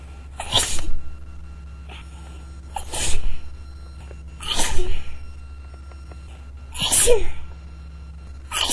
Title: Sneezing into a tissue